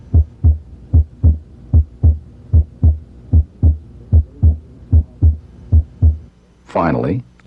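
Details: Normal heart sounds, regular low thumping at about 75 a minute, heard with the stethoscope diaphragm along the lower left sternal border at the fifth interspace while the patient breathes deeply.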